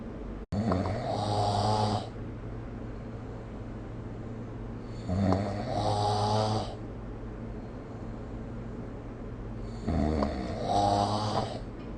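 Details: Snoring during sleep, recorded with the SnoreLab smartphone app: three loud, rough, vibrating inspiratory snores at about 13 a minute, with quieter breathing out between them.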